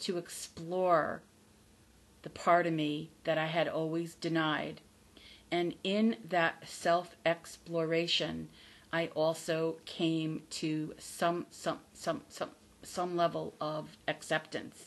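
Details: Adult woman who stutters, not recovered from stuttering and says her stutter is audible; stuttering.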